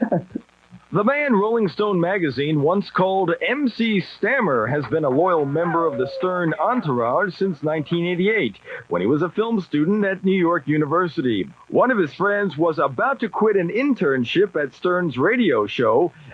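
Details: Adult narrator; normal speech.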